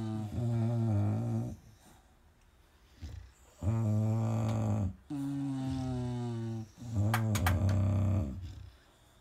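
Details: Sleeping dogs snoring: loud, low, droning snores, about four in the span, each a long rumbling breath with short quiet gaps.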